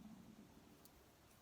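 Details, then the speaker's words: Soft, low rumbling gurgle fading into quiet room hiss: an adult's stomach growling from hunger near or past lunchtime, noted by the speaker during a crafting video. "excuse me if you can hear that that's my tummy it's growling it wants feeding uh it's lunch time nearly could be past lunchtime"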